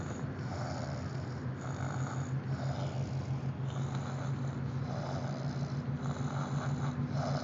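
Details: Steady low, rough rumbling snoring that continues with barely any quiet pauses between breaths.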